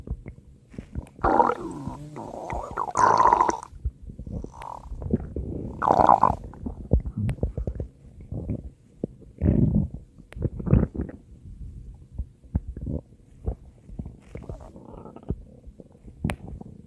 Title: FUNNY Stomach Growls @StingyNewBrunswickHPT